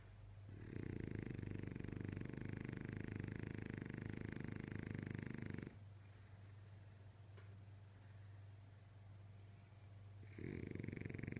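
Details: French bulldog asleep: loud, low, rattling snores on the in-breath, separated by a quieter breath; flat-faced dog snoring.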